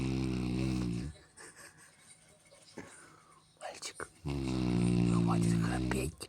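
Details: Snoring sleeper, addressed as "boy" and told boys don't snore: loud, buzzing, voiced snores at the start and end with quiet breathing between; ordinary snoring.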